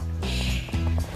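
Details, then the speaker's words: Imitated snoring: a parent's low, rumbling one-second voiced imitation of her nearly five-year-old daughter's snoring before a sleep study; the child, who is restless and grinds her teeth, has not had her tonsils or adenoids removed. "what does the snore sound like the snoring sounds like this"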